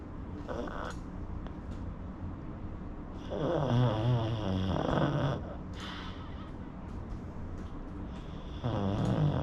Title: Pug snoring